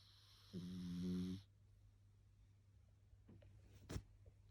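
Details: Pug puppy, nearly 10 months old, snoring while asleep on the bottom of the bed: one buzzing, rattling snore breath, then quiet breathing with a faint snort.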